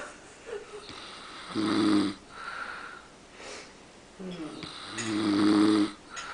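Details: Pa, crashed out asleep in the middle of everyone, snoring: two loud, rattling inhaled snores with quieter breathing between, about 20 breaths a minute; ordinary snoring.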